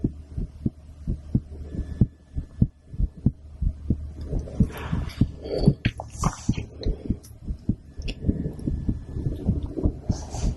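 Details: Woman's heartbeat recorded through a stethoscope after a blood draw: muffled, regular low thumps at about 98 beats a minute, with rubbing and handling noise.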